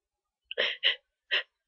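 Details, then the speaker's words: Person sneezing repeatedly: a sharp intake followed by two quick breathy bursts, then a third, a short run of sneezes. "Again. I'm gonna. Sneeze again. Phew. Oh. I'm gonna. Uh, I'm gonna sneeze"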